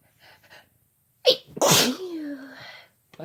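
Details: Sneezing together by a man and a woman: a brief indrawn breath, then a sharp explosive sneeze trailing into a voiced tail; an ordinary sneeze.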